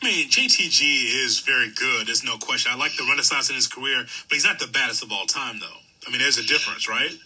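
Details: Adult male speaker; typical speech.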